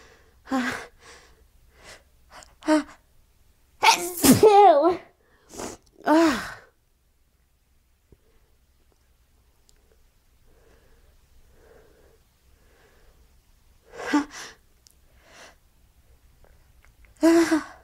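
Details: Repeated morning sneezing fit on waking, habitual, cause unknown to the sneezer: several forceful sneezes with sharp indrawn breaths, a quiet pause, then more sneezes; the sneezer says they can't stop.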